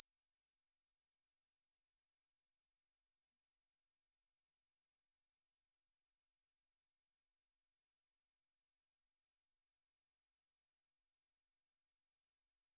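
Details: Online free hearing test: a steady, very high pure tone rising slowly in pitch to check the upper limit of hearing.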